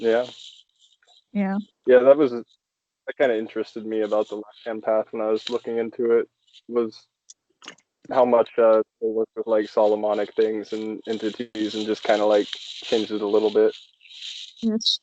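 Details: Adult male speaker; normal speech.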